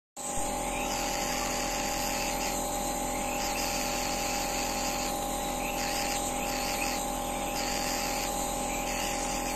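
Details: Running nebulizer: steady buzzing hiss with a constant hum and faint periodic changes in the spray noise.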